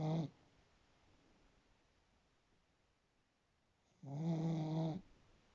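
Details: Sleeping cat snoring: two soft, low, buzzy snores separated by a long quiet pause.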